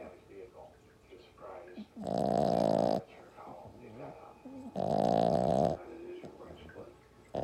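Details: Two loud, rough, rattling snores about a second each with quieter snuffling breaths between, from a sleeping French bulldog puppy; snoring.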